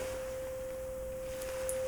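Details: Simulated ASMR roleplay hearing assessment: a steady, pure hum of a struck tuning fork held behind the ear for the bone-conduction step of a Rinne test.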